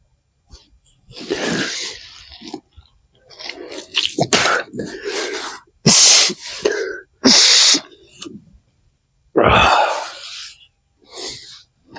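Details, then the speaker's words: Adult man doing a saline nasal flush outdoors after a sinus infection, head tilted slightly: forceful snorting, spluttering nasal blows and a sneeze-like burst, with sniffs and gasps between, as saline is cleared from the nose. "I always tilt the head slightly too. Helps it run out."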